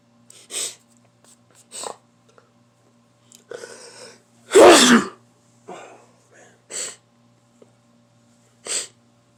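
Several quick breathy sniffs and huffs, then one loud explosive sneeze, followed by short nasal snorts: an ordinary sneeze.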